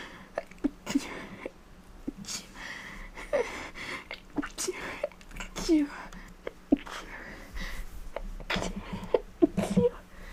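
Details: Person with a cold, stated as genuine, not faked: a run of short, sharp, voiced sneezes with quick breaths between them in a quiet room.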